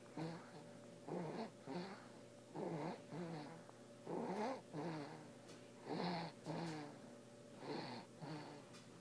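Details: Infant aged 5 weeks who has snored since birth, snoring with repeated soft, rattly sounds at about 37 breaths a minute over a steady background hum.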